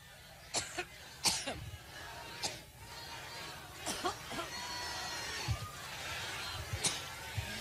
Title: Pukes On Stage During Coughing Fit